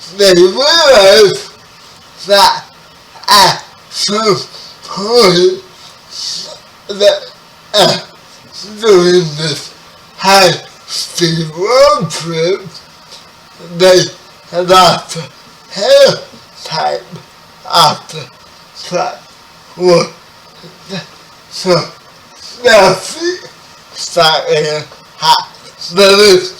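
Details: Dysarthria in a 30-year-old man with spastic quadriplegic cerebral palsy, who was born 11 weeks premature.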